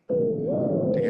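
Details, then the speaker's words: High-pitched bruit on auscultation of a dialysis arteriovenous fistula: steady whistling, wheeze-like whoosh from flow through a narrowed segment, abnormal, suggesting stenosis, unlike the normal low-pitched pulsatile AVF sound. "하이피치드의 소리가 들리죠. 어디가 좁아져 가지고 그 좁은 혈관을 통해서 피가 흐르다 보니까 천식 소리처럼 이렇게 휘파한 소리가 들리는게 이제 비정상적인 소견이고"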